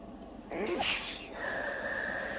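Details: Intense, messy sneezing fit after a tickle that could barely be held back: a single forceful, wet, hissing sneeze burst followed by a breathy exhale; sneezing.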